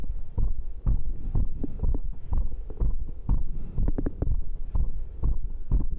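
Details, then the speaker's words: Self-recorded heartbeat via microphone after the final workout round of dips, abs, cross pulls and arm curls, rate stated 132: fast, strong, regular beats, a normal elevated rate after exercise. "Nhịp tim là 132 sự hoàn hảo! Đồng ý Được rồi, tôi sẽ trao cho bạn trái tim của tôi lần cuối!"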